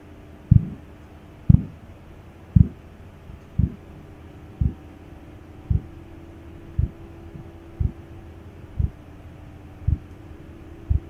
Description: Korotkoff Sounds Testing